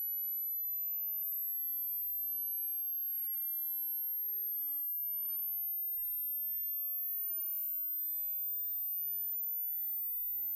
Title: Hearing test - Medical Tourism